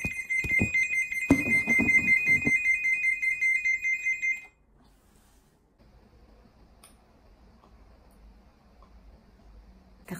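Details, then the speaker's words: Hospital device alarm on day 4 after a C-section in Japan, beeping rapidly and steadily because the newborn is out of it and being held by the mother. "tumutunog siya kasi wala yung baby sa loob so Hawak ko kaya tunog siya ng tunog"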